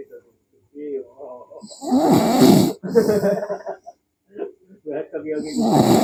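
Irregular rasping, gurgling snores with uneven pauses and throaty sounds between them; snoring during sleep.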